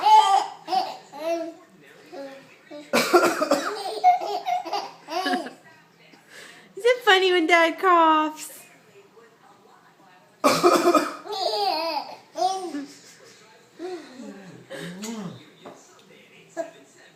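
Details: An adult gives deliberate, playful voluntary coughs while a 5-month-old infant answers with bursts of laughter and babbling.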